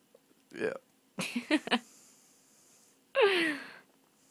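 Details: Person with hiccups: several abrupt, short voiced gulps spaced irregularly, with a longer vocal sound near the end.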